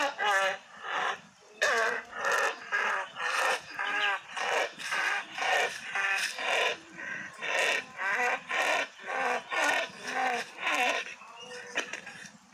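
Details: Repeated short, harsh bursts, about 20 in twelve seconds, from an ornamental goat; a run of coughing.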